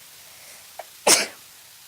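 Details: A brief intake of breath, then one sharp, explosive sneeze during a sudden sneezing attack of unknown cause.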